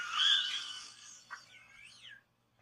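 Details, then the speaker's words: During a trach care demonstration, a patient with a tracheostomy coughs through it: a breathy, hissing burst of air and a short puff, then a thin whistly squeak, just before suctioning. "Okay, as you hear him coughing, I'm going to go ahead and suction him."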